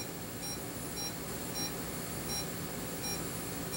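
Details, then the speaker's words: Short high beeps over a steady hiss from a speaker on a homemade DIY electrocardiograph, one per heartbeat of the wearer, roughly 90–110 a minute. Body movements can also trigger beeps. "Ensuite, j'ai un haut-parleur qui fait un bruit à chaque fois que mon coeur bat."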